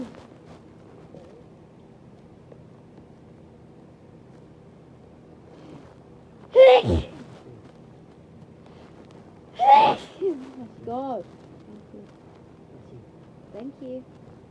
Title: Big, loud breathy sneezes (blessed by my bf)